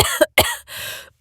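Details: Acted coughing by a female voice actor: two or three quick coughs ending in a throaty exhale, performed as a character reacting to a foul-tasting potion still fizzing in her throat; simulated cough.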